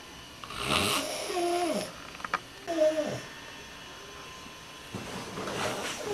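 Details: Man snoring while asleep at a film festival: two rough, snorting snores with pauses between, over steady room hiss.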